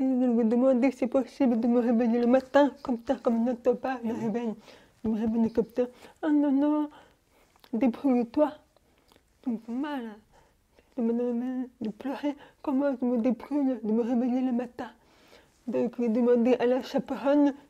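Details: Young French-speaking woman, deaf since birth, wearing hearing aids since birth and recently new ones, speaking orally while lip-reading. Speech of a person deaf since birth.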